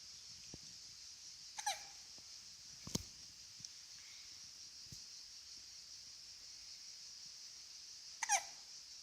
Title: Hiccups July 18 2016